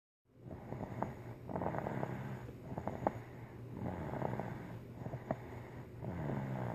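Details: Pet snoring in sleep the day after her vaccinations: steady, rattling low snores with soft snorting, roughly 27 breaths a minute.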